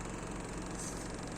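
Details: Medical suction machine, medium-type M30 with an oilless pump, demonstrated as very quiet with little vibration: steady low motor hum with a hiss of the suction pump running; quiet, even operation.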